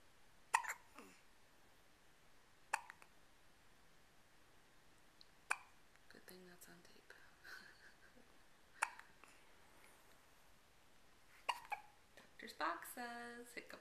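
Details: Baby: five sharp, brief hiccups about every three seconds, roughly 22 a minute, while his mother reads aloud from a baby-care book nearby; hiccups.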